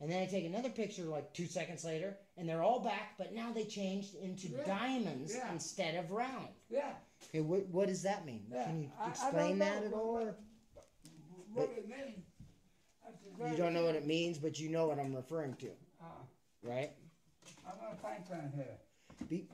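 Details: Adult woman in conversation, possibly with a second speaker; normal conversational speech.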